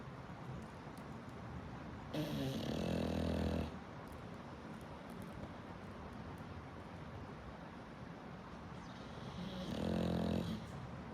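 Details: Sleeping English bulldog snoring: two loud, rough snoring breaths about eight seconds apart over steady room noise.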